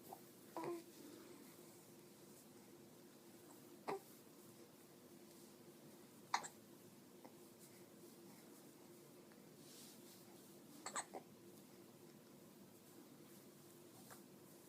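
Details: Young child (she), standing just after eating, slightly wobbly, with soft brief throat catches at irregular intervals, about four to five in fifteen seconds, in quiet room; hiccups.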